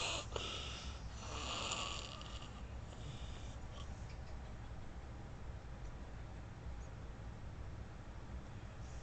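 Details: Adult asleep in a room, recorded on an iPhone with iVidCam: low steady rumbling breathing after brief early noise over quiet background; snoring.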